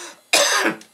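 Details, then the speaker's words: Adult male radio host coughing on air during a live show: a single abrupt harsh cough with a faint trailing rasp. "Les gens qui nous écoutent sur Internet et qui m'entendent tousser comme un déchaîné, dites-vous, encore une fois, cette semaine, que les gens à la radio, normalement, ne m'entendent pas."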